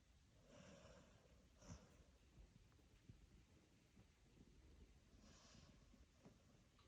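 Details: Dachshund sleeping on a sofa, snoring: soft snorting, snuffly breaths over a few slow cycles against low room noise.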